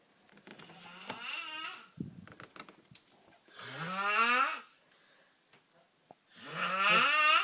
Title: Worst snore ever